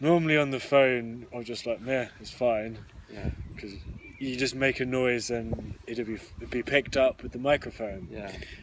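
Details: Adult who stammers, one of the hosts of a stammering podcast, openly disclosing the stammer. Stuttering.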